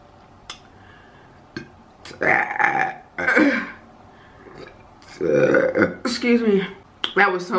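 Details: Adult burping repeatedly during a mukbang eating video: two loud, drawn-out voiced belches with a few soft mouth sounds in a quiet room; ordinary burping.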